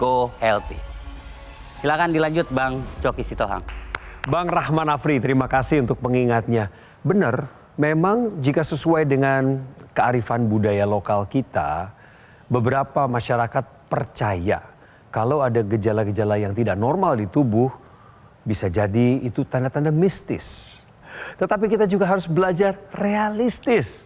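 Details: Adult male speaker; normal speech.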